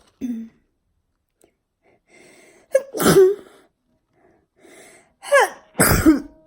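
Quick breaths in, then two forceful, voiced sneeze bursts, deliberately brought on. They are harsh and throaty, close to a cough or throat-clear.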